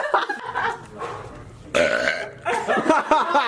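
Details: Compilation of a female deliberately burping: several loud, drawn-out belches in a row with some voice in between.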